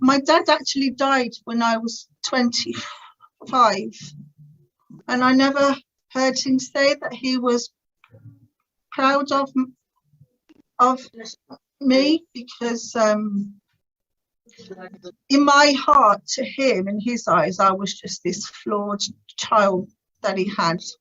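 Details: Adult woman's stuttering (stammer) since about age three, severe through her teens and adult life; now has some control after the Starfish Project speech therapy course.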